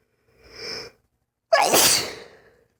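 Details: Lifelong, unexplained sneezing fits lasting 3-5 minutes, not allergic and without itching: a sharp inward breath, then one forceful explosive sneeze within a recurring sneezing fit.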